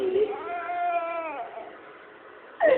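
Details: Baby crying: a short, high-pitched infant cry with one sustained wail that fades into quiet room sound, then a fresh cry starts.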